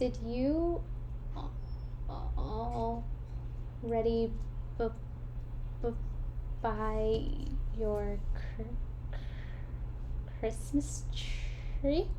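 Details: Clinician deliberately fake-stutters during fluency therapy to demonstrate voluntary stuttering, placing repetitions or prolongations where she wants rather than involuntarily; voluntary stuttering (simulated stutter).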